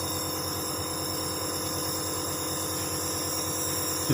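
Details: Dr Trust compressor nebulizer switched on with medication in the chamber and mouthpiece attached; steady droning mechanical hum with a buzzing edge, motor running at constant speed.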